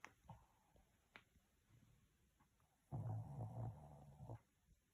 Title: Boonies snoring (turn up sound) ❤️